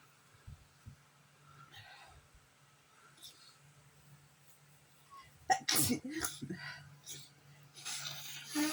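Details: Sneezing during a bad allergy day: quiet room, then a sudden burst of sneezes followed by nose blowing.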